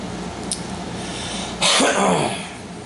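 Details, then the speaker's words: One harsh cough burst over steady room hiss from an adult with COVID-19 at night, unable to sleep lying down, sitting in a chair; cough. "so now it's uh 2 30 in the morning and i can't sleep laying down again coughing so am i sleeping in the living chair again"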